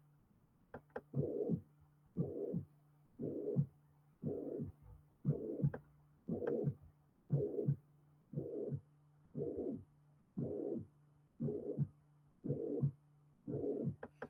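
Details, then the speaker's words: Holosystolic murmur of mitral regurgitation, occupying all of systole and leaving diastole free. "sistólico escuchen es todo diastólico Perdón Es todo sistólico te deja la di libre Pero puede tener enfermedad mitral"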